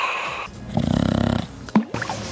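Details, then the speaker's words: Loud, rattling snore from a man with snoring and suspected sleep apnea, who snores heavily after drinking; snoring arises as airway walls vibrate and may close, stopping breathing. "храп слышен тогда когда стенки дыхательных путей вибрируют от вибрации они могут смыкаться тогда дыхание останавливается на время от 20 секунд до 2-3 минут"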